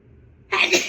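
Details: After half a second of near silence, a single sudden, hissing burst of air from an adult woman: a big tickly sneeze.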